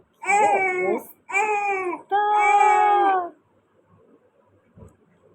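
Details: Young child crying while being fed at a family lunch: three loud, high-pitched cry bursts, then quiet room sound; fussy crying.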